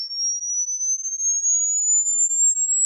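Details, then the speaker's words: Online real-age hearing test: a pure, high whistling tone slowly sweeping upward in pitch; the listener finds it very loud, like someone screaming in the ear, and hears it up to the 18 mark. "बहुत तेज है यार। ऐसे लग रहा है कोई कान में चीख रहा है।"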